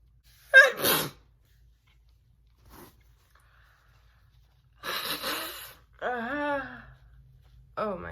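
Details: A woman makes deliberate messy sneezes for a requested video: two loud, wet sneezes, the first with a short vocal burst, then a brief voiced sound; ordinary sneezes.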